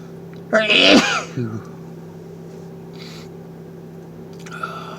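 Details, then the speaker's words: A man sitting in a car during his daily sneezing bout, face feeling numb, gives one sharp, forceful sneeze with a short trailing sound, then quiet engine hum. "So I'm in the car in the middle of my daily sneezes."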